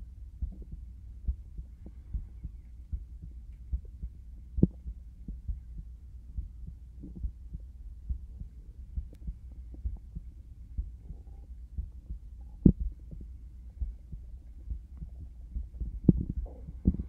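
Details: Binaural ASMR stethoscope recording of a steady, regular heartbeat, low thumps at about 75 beats a minute.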